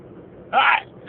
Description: In this video I'm driving in my car and I have a long sneezing fit...